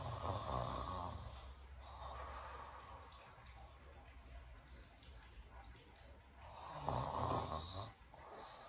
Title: Snoring saint.